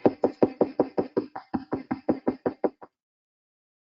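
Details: Needle EMG in the assessment of motor neuron disease: a fibrillation potential converting to a positive sharp wave.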